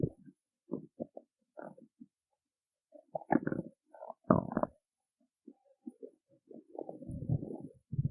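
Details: Stomach growling in a woman who skipped breakfast: irregular gurgles, squeaks and rumbling bursts separated by quiet gaps, empty-stomach borborygmi.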